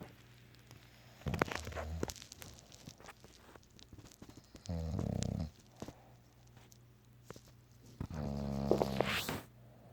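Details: Three drawn-out rough, snorting breaths in a quiet room from a bulldog during an afternoon nap, possibly dreaming: snoring.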